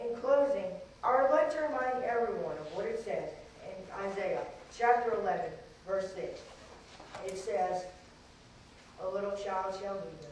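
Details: Dysarthric speech in a 14-year-old boy with cerebral palsy from very premature birth (13 weeks early) with lack of oxygen to the brain; doctors said he would never talk; he has had speech therapy.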